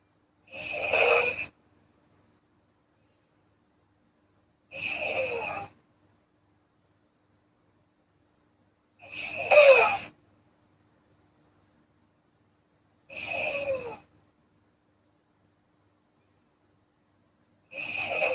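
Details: Girl snoring in her sleep (ASMR recording): regular, rasping snores about every four seconds (roughly 14 per minute), with silence between them.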